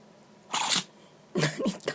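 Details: A Chihuahua gives two quick, sharp nasal sneezes, the second followed by snuffling snorts; the owner suspects fine particles got into its nose from sniffing the carpet; repeated sneezing.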